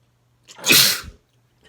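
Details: One loud, wet, explosive male sneeze lasting under a second, with a short inward breath before it, from a compilation of his own sneezes (some induced).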